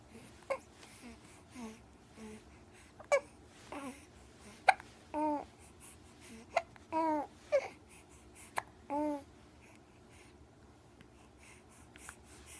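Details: Short, abrupt voiced hiccups repeating every second or so, with soft babbling between them; annoying hiccups.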